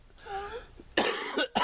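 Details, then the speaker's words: Cough from a person recovering from walking pneumonia, still coughing up phlegm despite daily medication; lungs somewhat affected, now using an inhaler. "my selfcare has been finally getting over this stupid walking pneumonia I'm not sorry I'm still just coughing up a bunch of flim still riding my bike"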